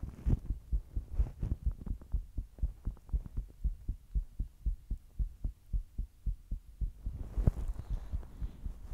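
Steady, regular low thumps of a heartbeat with a faint hum. Normal heartbeat.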